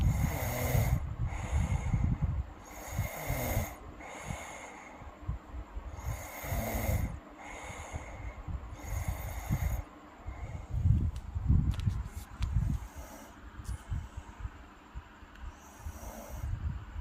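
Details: Girl snoring in an ASMR recording: loud, rough snoring with snorting on each breath, about one breath every two seconds, fading into quieter irregular breathing.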